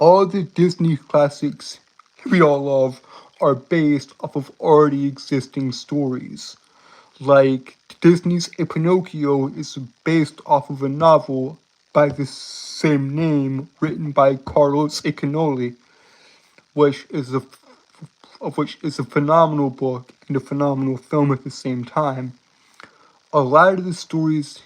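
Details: Adult male streamer with a self-described severe speech impediment that makes him stutter and trip over words, repeating and blocking before a word; stuttering.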